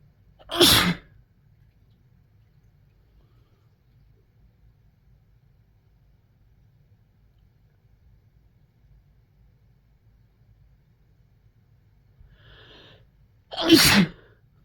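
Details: Two forceful sneezes about thirteen seconds apart, the second preceded by a short intake, from a sneeze compilation recorded mostly while sick with a cold; some sneezes induced.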